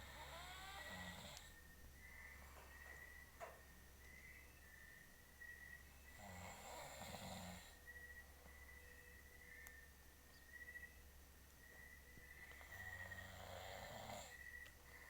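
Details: Adult man (husband) snoring while asleep: quiet rhythmic snoring breaths about every six seconds under steady room hum and faint whistling noise.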